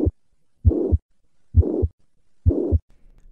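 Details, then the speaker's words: Teaching recording: heartbeat near 66 a minute with a high-pitched blowing murmur filling systole between first and second sounds, blood regurgitating into the atrium from incomplete mitral closure; holosystolic mitral regurgitation murmur. "se ela não fecha o sangue regurgita para o átrio e vamos ter um som agudo de sangue voltando típico da insuficiência"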